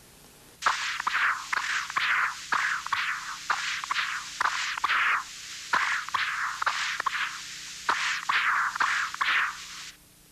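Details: Obstructed aortic valve prosthesis on Doppler.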